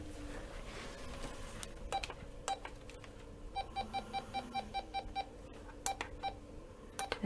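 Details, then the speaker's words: Bedside heart rate monitor of a girl with congenital central hypoventilation syndrome, ventilated whenever she sleeps, set to alarm below 60 and above 150 beats a minute: regular short beeps over a soft machine hum. "for the heart rate and if she drops below 60 will alarm and if he goes over 150 will alarm again"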